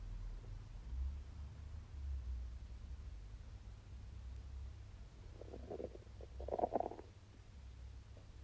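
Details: Ordinary stomach rumbling during digestion after eating wagyu steak: a low background rumble, then a couple of soft gurgling bursts near the end.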